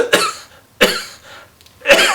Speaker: so that when I do the cough the big exhale then I can cough it it out so you'll see me get my air I'm letting that mucus collect and then I do the big cough